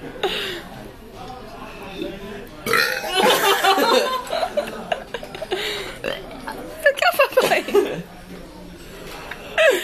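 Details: Two adults burping in a pub: several loud, drawn-out burps mixed with talk, laughter and background music.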